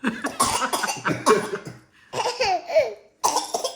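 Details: Triplet toddlers deliberately coughing as a game, several short voluntary coughs mixed with giggling in a small room.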